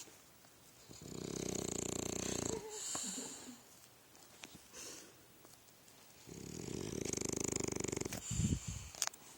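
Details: Loud rattling, buzzing snores with snuffling between them, about two slow breaths in nine seconds, from a sleeping bulldog.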